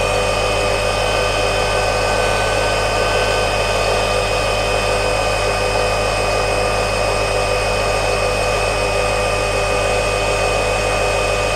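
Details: Tecno-Jet (Cattani) dental suction motor for a saliva ejector running continuously: steady loud mechanical hum and whine with an even whooshing hiss.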